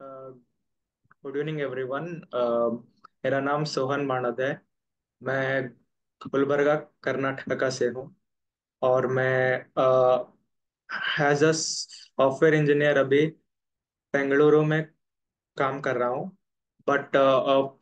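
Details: Real stammering in an adult male software engineer who says speaking in work meetings is difficult for him; stuttering.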